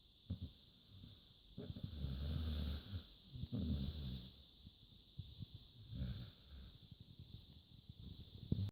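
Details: Hungarian Vizsla dog in deep sleep: irregular low, rumbling, snorting breaths over a steady background hum; dog snoring.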